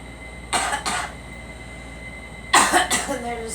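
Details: A girl coughs in two short pairs of sharp bursts, four coughs in all, over a faint steady background hum.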